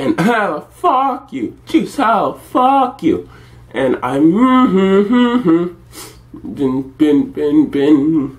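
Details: Woman having an involuntary tic attack at about 1 a.m., with vocal tics including swearing; vocal tics with coprolalia.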